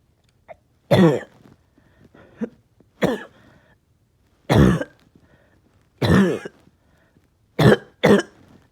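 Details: Persistent cough lasting all day, with tiredness and chest pain: seven loud, harsh coughs at irregular intervals with small throat sounds between them.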